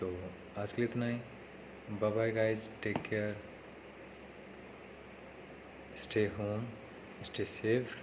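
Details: Man who stammers, speaking Hindi, on day 3 of his own speech therapy practice; stuttering.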